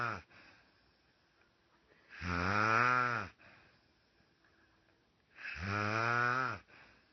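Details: Sister snoring in sleep: loud, rough snores on each breath in, with quiet gaps between, about 18 a minute; ordinary snoring.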